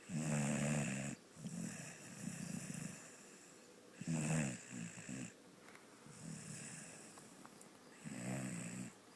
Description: My dog snoring